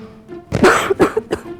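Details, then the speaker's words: Adult portraying a persistent cough lasting days in a cough syrup advertisement: about four harsh, acted coughs over soft background music; cough. "दिनों से खांसी रुक ही नहीं रही है।"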